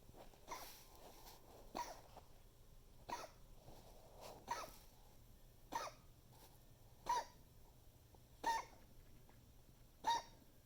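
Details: Dog recorded coughing to document for the vet: about eight short, sharp coughs in steady succession, yet another recurring coughing fit.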